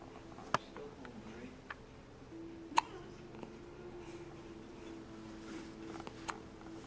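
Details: Person with hiccups; several short, sharp hiccup sounds at irregular intervals, about four in seven seconds, over a steady room hum.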